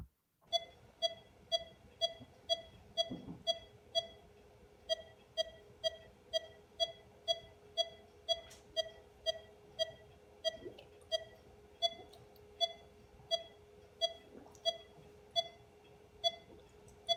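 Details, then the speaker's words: Pulse oximeter beeps tracking a participant's heart rate, showing how his breathing affects it and that hearts don't beat metronomically. "I want to demonstrate that Hearts don't beat metronomically by looking at this participant and the way he breathes and how his breathing is affecting his heart rate"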